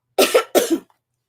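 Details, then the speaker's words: Adult with a dry throat gives two quick dry coughs, a brief throat-clearing cough, then says their voice is cracked. "sorry, my throat just got my throat just got a little dry there. So my voice is a little bit cracked at the moment, as you can hear."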